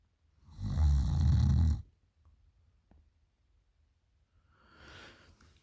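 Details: Girl at night with one loud, low, rattling snore on the in-breath, then a quieter breath out; loud snoring during sleep.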